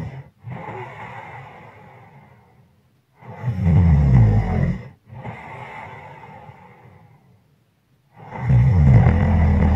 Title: Snoring From heavy Breathing to loud snoring